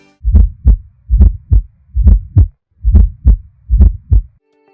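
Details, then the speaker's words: Fourth heart sound (S4, presystolic gallop) arising when a poorly distensible, stiff ventricle receives atrial systole; regular low heartbeat about 70 per minute with a soft extra sound just before the first heart sound. "другими словами если сердце плохо растягивается то появляется четвёртый"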